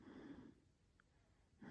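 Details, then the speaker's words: Faint, low, rumbling snore from a sleeping female dog, with a quiet pause between two breaths; the owner says she snores loudly, like a human. "You guys can't hear this, but my dog is snoring. I think you can hear it. She snores pretty loud. She snores like a human, I swear."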